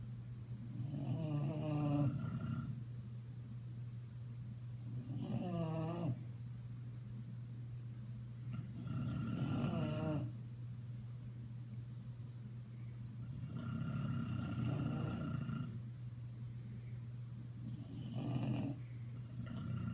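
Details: Two sleeping Bulldogs snoring together: loud, rattling snores about every four to five seconds, roughly 13 a minute, over a steady low hum; dog snoring.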